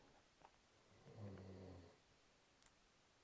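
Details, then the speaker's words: Dog (female) snoring in the background while napping; one low, rumbling snore under a second, heard at a distance in a small room: snoring. "And I don't know if you can hear my doggy snoring in the background. She's being a good example of just taking a little nap."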